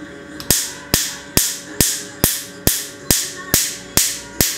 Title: laser Tattoo Remover || permanent tattoo ko kaise hataye || parmament tattoo remove